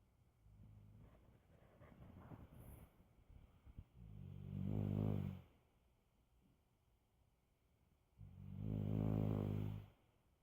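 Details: Ordinary snoring: two loud, rumbling snores about four seconds apart, each a low buzzing vibration on the breath, with quiet pauses between.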